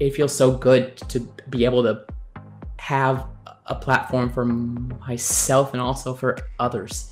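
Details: Man who describes himself as a person who stutters; stuttering.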